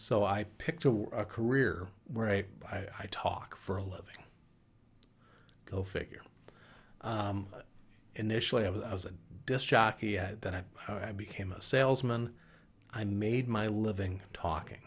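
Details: Adult man with mild Broca's (non-fluent) aphasia caused by a stroke, a clot affecting Broca's area, five years earlier.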